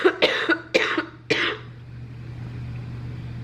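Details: Cough from a four-month-old baby boy who had been sick with a fever and was later taken to the hospital emergency room.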